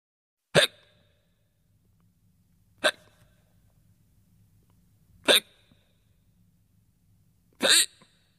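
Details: Four abrupt, clipped hiccup sounds about every two and a half seconds, roughly 25 per minute: hiccups, recorded as a sound effect.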